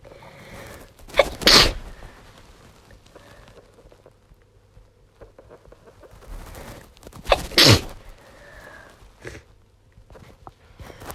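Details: Two forceful sneezes, each with a sharp inhaled build-up, about six seconds apart, from a congested female with a cold who has been coughing all day and losing her voice.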